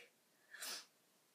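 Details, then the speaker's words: One soft, airy sneeze in a quiet room from someone sick in bed, who reports sneezing a lot with a bad cough and runny nose: an ordinary sneeze. "um I've been sneezing like crazy and I have a wicked cough and runny nose and man it's not easy really right now"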